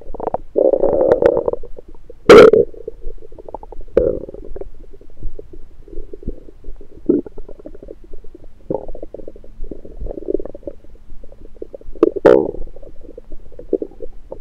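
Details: Recorded with an electronic stethoscope on the abdomen in the morning after breakfast: irregular gurgles and rumbles with a few louder squelching bursts; active bowel sounds after a meal.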